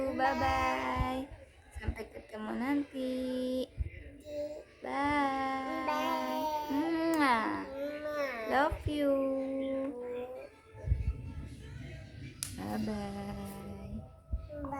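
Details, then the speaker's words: Young child, asked by mother, imitates a baby's cry: wailing sounds with rising and falling pitch; acted crying, not real, after also imitating snoring and coughing. "Kalau nangis? Oh gitu nangisnya ya."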